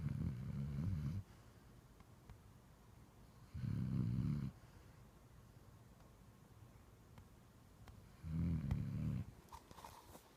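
Low, rumbling snores in a quiet room, about one every four seconds, with silent gaps between; ordinary snoring.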